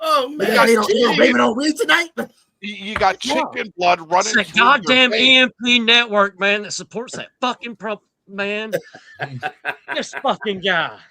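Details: Adult male speaker(s) in casual conversation; ordinary conversational speech.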